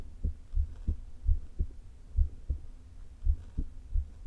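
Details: Woman with atrial fibrillation and a leaking heart valve, recorded before open heart surgery through a low-placed stethoscope: muffled heartbeats at uneven intervals, some close together and some spaced out, an irregular rhythm, with stomach rumbles.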